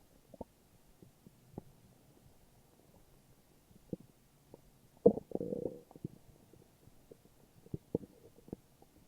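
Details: Morning stomach growling: quiet gurgles and brief pops with one louder rumbling burst midway; ordinary borborygmi.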